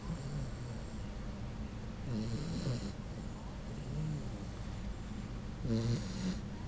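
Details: Sleeping Puggle (pug–beagle) dog snoring: low, rattling, human-like snores with each breath, loud against steady room noise.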